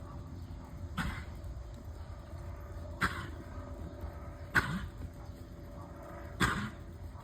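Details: Horse coughing heavily: four harsh, abrupt coughs spaced a second or two apart over a steady low outdoor rumble.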